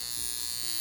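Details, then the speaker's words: Constant high electric buzzing like a bug zapper from a portable high-frequency skincare device at full setting, worked over the face, forehead and hairline; described as feeling like zapping. "it feels like a zapping a"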